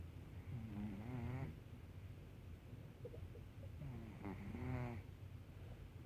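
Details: Cat snoring while asleep: two drawn-out, buzzy snoring breaths separated by quieter breathing against a low background hum.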